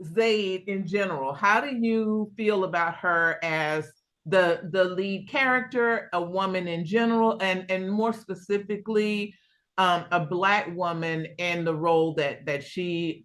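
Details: Adult woman; Normal speech.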